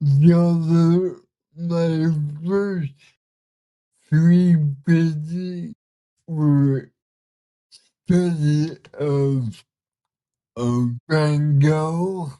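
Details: Man with cerebral palsy, speaking in a real conversation; dysarthria.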